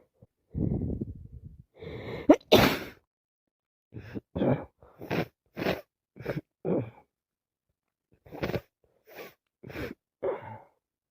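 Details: Person with a head cold, feeling sick, sneezing repeatedly and sniffing from a congested nose: a string of forceful sneezes and short sniffing bursts; sneezing.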